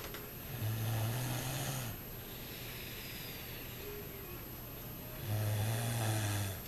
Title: snoring 194